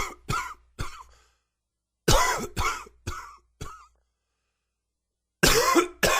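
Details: Three runs of short, sharp, dry adult coughs, about nine in all; nagging dry cough with a little sore throat.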